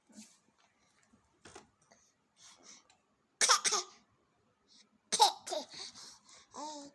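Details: A baby girl playfully pretends to cough, giving two louder bursts mixed with laughter and babbling while playing.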